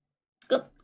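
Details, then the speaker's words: A streamer's abrupt, short voiced hiccup during a drinking livestream, saying they only have hiccups and are not that drunk. "제가 여러분들 많이 취했다고 생각하시지만 딸꾹질만 날 뿐이지 그렇게 취하지 않았답니다."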